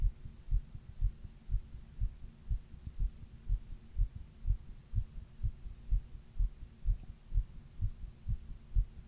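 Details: Own heartbeat recorded over 28 minutes while reading, with a 102-degree fever during the middle third: steady regular low thumping at about 120–125 beats a minute, a fast rate during fever.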